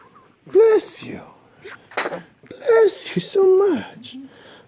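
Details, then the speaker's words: Sneezing in a 1-day-old newborn baby who also has hiccups: two abrupt voiced bursts with a sharp expulsive release, quiet room sound between. "bless you oh just bless you"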